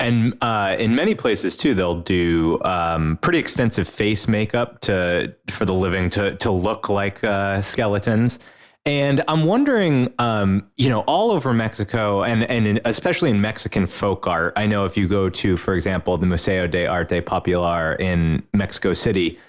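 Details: Adult male speaker; normal speech.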